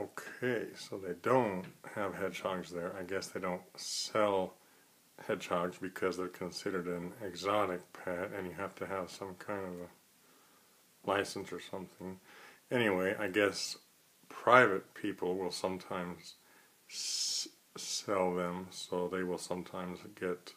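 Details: Stuttering in an adult who stutters, speaking right after a real phone call.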